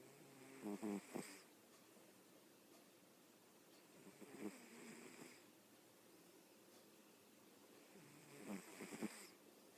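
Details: Three soft, rattling snores about four seconds apart, roughly 15 breaths a minute, in a quiet room, from a comfortable sleeper: snoring.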